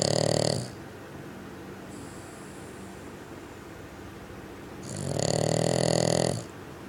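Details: Bugg dog snoring loudly: loud rattling snores on each in-breath, separated by quieter pauses, from a sleeping small flat-faced dog; snoring.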